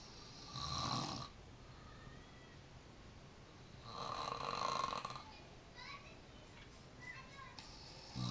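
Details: A person sleeping in Depok, recorded 05042011: rough, buzzing snores on breathing in, about two every eight seconds, with quiet room noise between; snoring.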